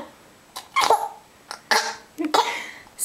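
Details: Three abrupt, voiced, catching hiccup bursts less than a second apart in an echoing bathroom, while a child laughs at her mother in the mirror; hiccups.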